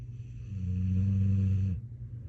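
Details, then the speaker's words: Puppy snoring: one deep, rumbling snore lasting about a second over steady background noise. "Yep, that's my dog snoring, y'all."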